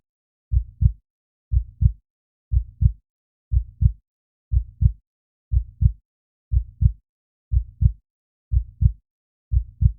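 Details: Normal heartbeat: steady, regular, unhurried paired heart sounds at about 60 beats per minute.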